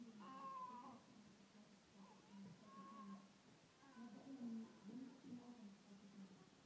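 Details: Newborn's first cries: thin, wavering, high-pitched cries in short bursts over room noise.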